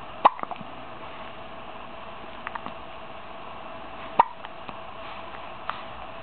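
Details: 15-day-old baby with recurring hiccups: two sharp, brief gulping clicks about four seconds apart over steady background hiss.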